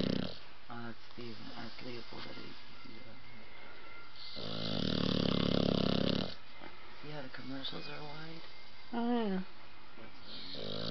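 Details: Sleeping blue nose pitbull puppy snoring: rapid rattling, snorting breath sounds with one long loud snore in the middle, over faint background talk; snoring.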